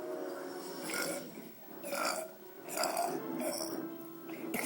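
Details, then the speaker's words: Several drawn-out, gurgling burps in a row from a person over background music; deliberate belching. "okay so this is a video of you burping [Music] right the video of mallerie burping isn't that great"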